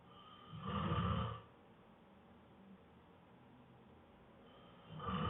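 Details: Boyfriend, exhausted after a long day of work, snoring hard soon after falling asleep: a loud, rough snore on an in-breath, then a long quiet pause; heavy snoring.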